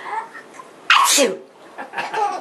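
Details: A single loud, sharp adult sneeze between soft voices, with a baby laughing at the sneezing.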